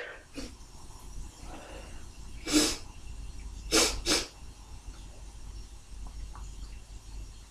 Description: Some tickly induced sneezes, quite forceful but my mic isnt picking up thee explosiveness for some reason, either way let me know if you like, if you like lol.